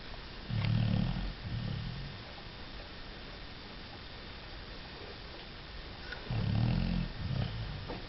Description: A snoring fat beagle